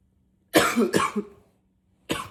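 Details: Acted unstoppable coughing spell stifled into a pillow, with occasional back patting: two muffled, forceful coughs close together, a pause, then a third cough.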